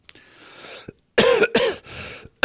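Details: An adult man who reports recently feeling unwell with throat and voice trouble, and now coughing, gives two loud, harsh coughs in quick succession with audible breaths before and after.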